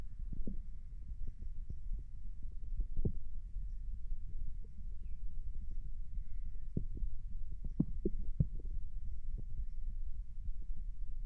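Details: Stomach noises recorded while lying down: low rumbling with scattered, irregular gurgles and clicks, typical ordinary bowel sounds.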